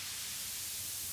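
A steady, even hiss weighted toward the high end, close to white noise: a tinnitus masker sound set near its broad, unsharpened setting.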